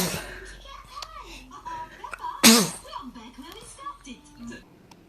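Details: Single sharp little infant sneeze among baby babbling and adult voices, faint music behind; a normal baby sneeze.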